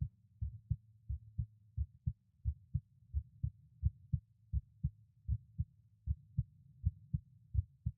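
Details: Adult man's heart recorded through a stethoscope at each auscultation point at rest; normal heart sounds.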